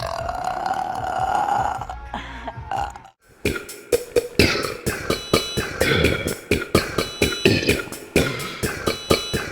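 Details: A rapid string of short, throaty burps, about one per second, over faint music; repeated belching.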